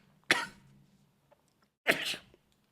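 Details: Two sharp, explosive sneezes about a second and a half apart from an adult male streamer, in a quiet room with a faint hum.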